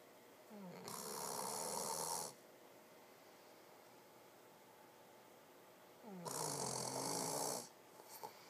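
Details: Snoring while asleep: two long, rattling breaths about five seconds apart, each with a rising rasp, over quiet room hiss.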